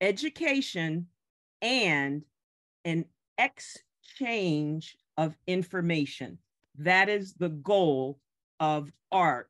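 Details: Aphasia in a member of a group of people living with aphasia, speaking at a virtual aphasia conference.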